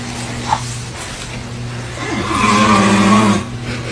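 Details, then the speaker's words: Adult man (a baby's father) snoring with one loud, rough, buzzing inhaled snore over a second long over a steady electrical hum, loud enough to keep the baby from sleeping. "Asimismo podemos escuchar Los Fuertes ronquidos del hombre mientras la mujer graba su hijo Y este tiene una cara de molestia por la interrupción de sus horas de sueño"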